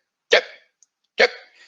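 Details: Lecturer imitating a hiccup-like phonic tic heard in some children with Tourette disorder; acted imitation, not a patient.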